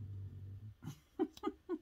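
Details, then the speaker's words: Sleeping older full-size Yorkie dog snoring in a small room: a low, steady rumble followed by several short snorting breaths. "that snoring god loving i did a video a while back of him i didn't post it though of him um he howls every once in a while get him going and he starts howling it's so cute"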